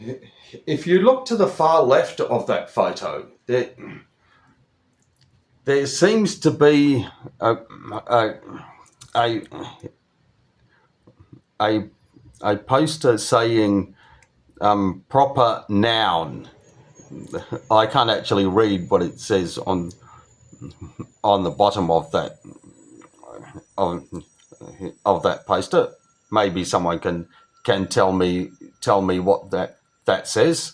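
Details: Adult man who stutters, with word and part-word repetitions; stuttering.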